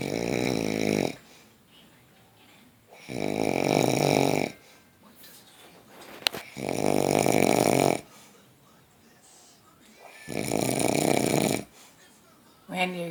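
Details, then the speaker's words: Adult man snoring while being put to bed: loud, rough snores on each in-breath, about 19 a minute, with quiet gaps between; typical snoring. "but you were snoring so did i tell you to go to be"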